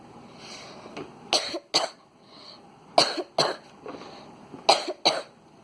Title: Yeah (cough) What (cough) Up